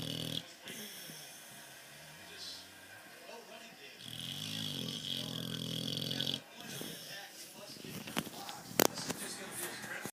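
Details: Snoring from a sleeping dog named Sammy: rough, rattling snores with a louder stretch midway, plus some room noise.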